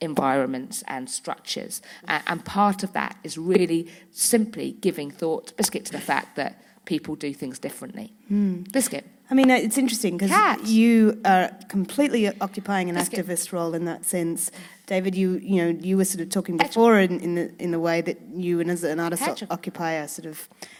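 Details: Woman with Tourette syndrome whose frequent vocal tics are especially the words "biscuit" and "hedgehog"; several times a day her tics intensify until she loses control of her body and speech. Vocal tics (Tourette syndrome).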